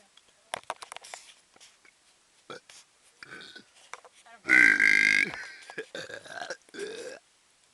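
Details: Deliberate loud belch made on request: a drawn-out burp of about a second, with brief voices and clicks before and after.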